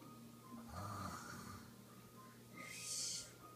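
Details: Pretend, imitated snoring at bedtime.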